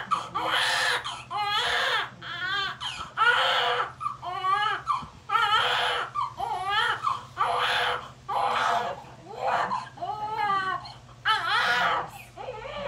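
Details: Newborn baby boy just after vaginal birth, nuchal cord noted: loud, repeated rhythmic wails with brief catch-breaths, vigorous newborn cry amid faint room hum.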